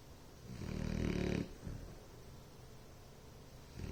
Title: Bloodhound "Ellie Mae" Snoring...